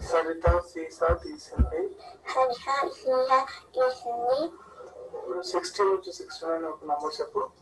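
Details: Velopharyngeal dysfunction speech (cleft palate speech), a more severe VPD case than earlier examples, in a speech recording presented during a VPD assessment webinar.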